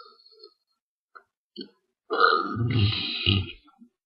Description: these are some gross burps. rate and comment